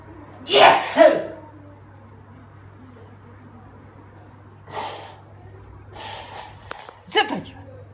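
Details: Man sneezing while recording a cat playing with a mouse: sharp double sneeze, then breathy snorts and another sneeze-like burst against quiet room noise; sneezing.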